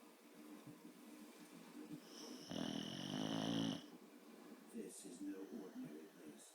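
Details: Sleeping boxer dog, described as quiet this time: one long, rough, rattling breath over quiet room noise: snoring.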